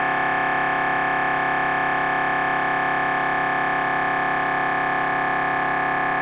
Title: MRI Brain Scan Sounds